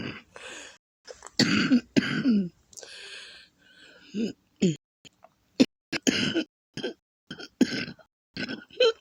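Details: Repeated harsh, wet coughs with throat clearing and gurgling mucus from a person with a lupus flare, congested lungs, chest and back pain, coughing to the point of vomiting; productive cough.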